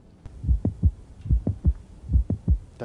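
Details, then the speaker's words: Cardiologist teaching heart sounds, listening at the apex with the diaphragm: heartbeat near 72 a minute with a sharp mid-systolic click between S1 and S2, from mitral valve prolapse, often due to myxomatous degeneration. "now this mid-systolic click is usually due to something too called mitral prolapse often due to mix ummit's degeneration of the mitral valve"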